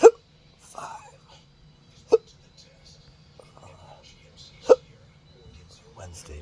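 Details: Person with hiccups and burping, described as a disabling rare medical condition: three short, sharp, throaty hiccups at uneven intervals over about six seconds, with faint rustling between.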